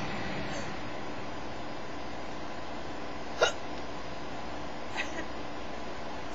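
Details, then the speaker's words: Hiccups: a person with severe, persistent hiccups that seem to briefly stop their breathing. Two abrupt, sharp hiccups are heard over steady background noise, the first loud and the second fainter. "hicups are funny dude they are so bad like I've never seen anybody that when they HIC up it looks like they stop breathing for a moment like it's hard for them to HIC up it's hard for me to"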